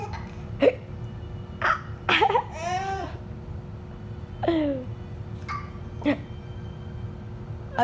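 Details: Infant giggling and babbling while having ordinary hiccups: short, sharp catches in the breath repeating every second or two.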